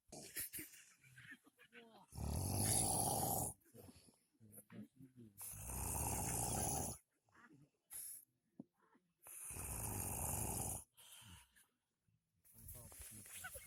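Loud, rough snores with pauses between them, coming in uneven bursts.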